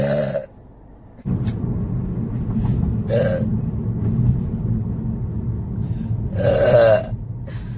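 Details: Several short, throaty burps over a low rumbling background; belching.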